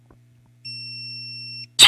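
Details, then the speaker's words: Steady one-second electronic beep as a training AED defibrillator powers on after the power button is pressed, followed by the start of a voice prompt, during a CPR/defibrillator use demonstration. "파워를 꾹 누르시면 상비약 켜집니다"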